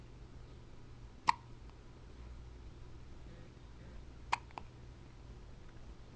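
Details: Hiccups recorded June 29, 2009 on a Flip Video camcorder: two clear, abrupt hiccups about three seconds apart, with a faint third catch, over a low background hum.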